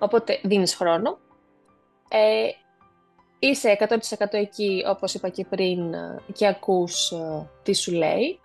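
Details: Adult woman who stutters, speaking Greek; stuttering.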